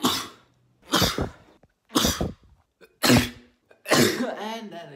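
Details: Adult recording his own sneezes: five sudden, forceful sneezes in quick succession, each a sharp burst of air through nose and mouth; ordinary sneezing.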